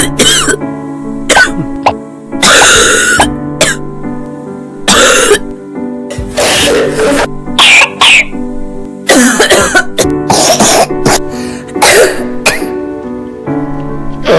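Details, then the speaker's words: A child's repeated wet, noisy, rattling coughs and throat clearing over steady background music, with rattling even while breathing, suggesting bronchitis. "Si su hijo tiene una tos húmeda y ruidosa, Con ruidos de traqueteo incluso mientras respira, Entonces puede ser bronquitis."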